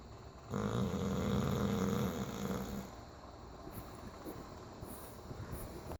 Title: Snoring bulldog